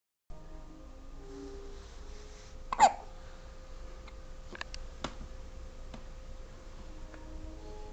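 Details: Infant twins alternating hiccups: a sharp, brief hiccup sound against quiet room noise and a steady background hum, followed by a few faint clicks. Infant hiccups.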